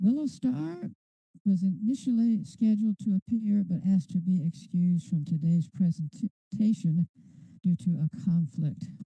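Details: Adult speaker; typical voice.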